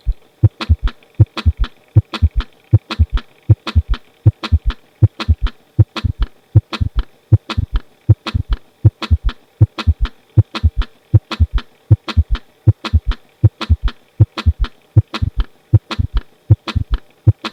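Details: S3 gallop in a teaching recording, listened for with the patient lying on the left side: regular heartbeat near 78 a minute with an extra soft, low thud early after S2.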